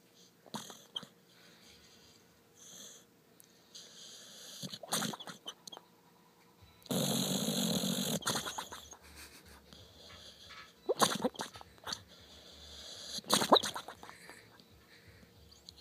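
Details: Female dog making unusual sounds while sleeping: irregular snorting, wheezy breaths with rattly noisy bursts: snoring.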